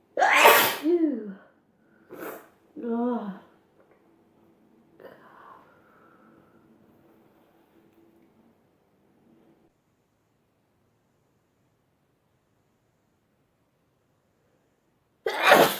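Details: Sneezing compilation clip: several sneezes, some with a voiced "ah" build-up and sharp burst, quiet room noise between them.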